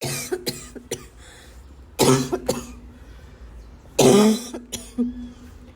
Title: wheezing barking cough 2